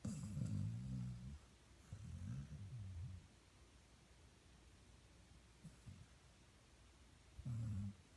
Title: Snoring 1